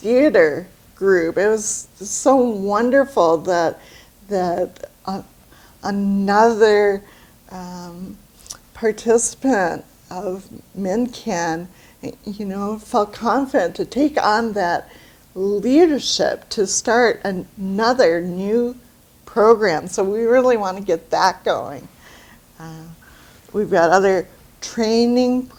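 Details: Adult with aphasia after a stroke about two years earlier, with marked word-finding and pronunciation difficulty; finding: aphasia after stroke.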